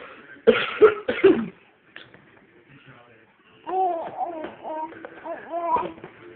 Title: Fake cough